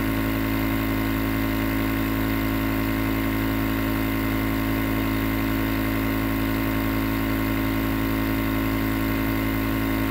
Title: Nebulizer Sound White Noise for Sleep